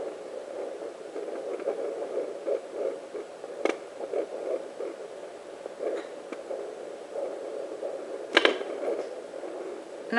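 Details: Fetal heartbeat on home fetal Doppler: fast soft whooshing pulses with scraping probe noise.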